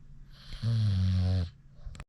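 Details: Large British Bulldog tired after a Sherp ride, snoring with eyes open: one loud, sustained, buzzing, vibrating breath of about a second, with quieter rough breathing around it.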